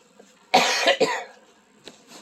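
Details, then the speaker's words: A single harsh cough burst with a second quick expulsion, then quiet, from a person who is stuffed up and sweating out a cold. "you're probably tired of hearing me cough but that's the iron I got so yeah"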